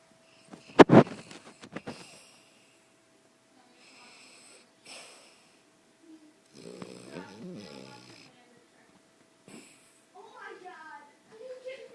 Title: Snoring dog